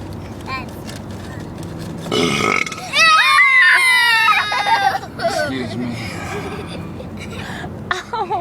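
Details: Adult man deliberately burping to imitate the film Elf during lunch on a trip: a loud, drawn-out voiced burp of about two seconds amid background talk and chatter; burping.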